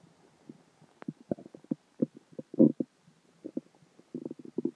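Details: Stomach growling (borborygmi) after dinner, water and gas: low gurgling and bubbling rumbles in irregular bursts as gas and fluid move through the gut.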